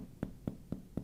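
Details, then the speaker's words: Percussion of an adult man's posterior chest to locate the diaphragm edge: change in percussion note marks the border, then he inhales deeply and holds it to show diaphragmatic excursion downward. "Right there, there's a change in the sound from here to here. I'm going to find right where the edge is, which is right there."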